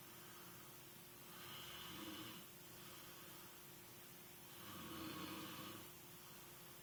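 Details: Old male ("Old Man") snoring: two slow, soft, rasping snores over a steady room hum, about 19 a minute; ordinary sleep snoring.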